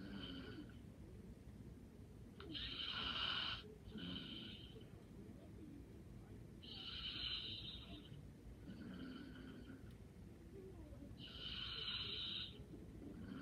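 Soft, regular snoring breaths, about 14 a minute, over steady background hum; light snoring during sleep.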